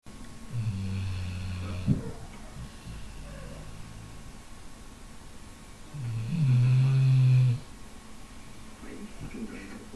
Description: A lot of noise from a sleeping dog and try to sleep yourself listen to this ;-)